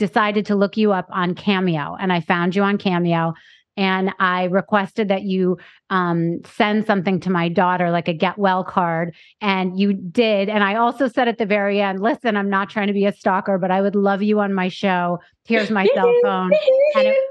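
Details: Adult woman speaking; normal adult speech.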